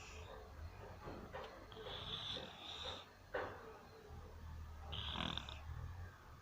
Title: My mum snore